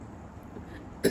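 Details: Single sharp, loud involuntary hiccup breaking a quiet stretch, in a woman during a hiccup challenge after eating a lot of very spicy chili.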